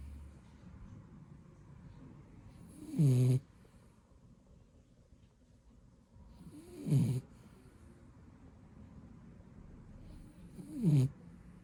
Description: JoJo Taking A Nap And Snoring #Dog #BlueBeaglePuppy #Beagle